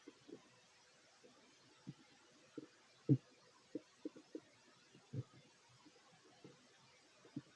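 Quiet, irregular low gurgles and rumbles scattered over a near-silent background, typical of stomach growling (borborygmi) during eating.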